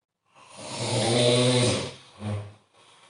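A long rough, rattling snore on the in-breath, then a shorter snort, typical loud snoring.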